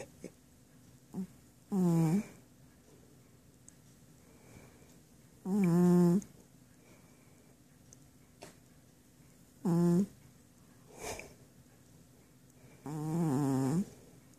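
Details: Sleeping male cat snoring, with loud buzzing snores about every four seconds and quiet breathing between; the owner says the fart-like sound is genuine, not faked.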